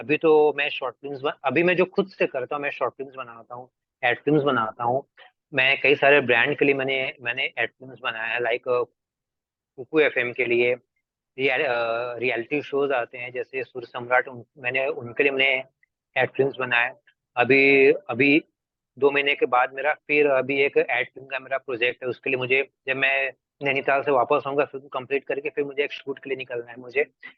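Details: Adult Hindi-speaking man who has stammered since about 2007; stuttering.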